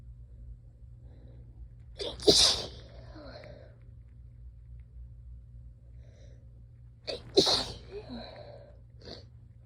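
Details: Two intense, forceful sneezes from an exhausted person, each with a sharp inhaled build-up and an explosive burst, about five seconds apart, in a quiet room.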